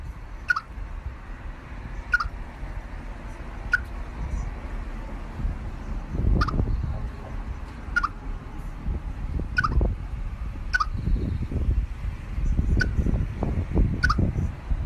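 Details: Squirrel having hiccups, possibly from eating too quickly: small, sharp squeaky chirps repeating about every 1–1.5 seconds over a rumbling background.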